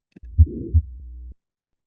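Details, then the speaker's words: Pathological heart sound from a person with a heart murmur, as recovered by a low-cost earphone-based wearable or as its ground-truth recording: two low thumps with a whooshing murmur between them. "We also like you know test our system on those pathological her sounds for example people with murmurss."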